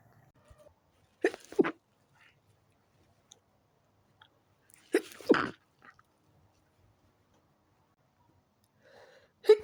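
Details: A person in bed, trying to sleep early, has a sneezing fit that started after turning onto the other side: three sneezes in a quiet room, the first two as close double bursts, the last at the very end.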